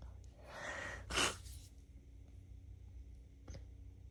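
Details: Allergic sneezing from a female sensitive to a roommate's new cat: an inward breath, one sharp explosive sneeze, then quiet room noise.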